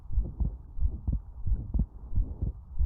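Soft, low heart sounds in a steady rhythm, with the second sound widely and fixedly split, as in an atrial septal defect; a brief noise near the end.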